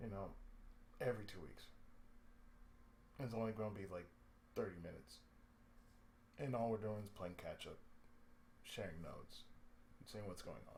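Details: Adult male with cerebral palsy, with speech problems since childhood; he reports an occasional lisp, breaks where he cuts himself off mid-sentence, pauses, and a drawl he calls sudden and sleepy; speech affected by cerebral palsy.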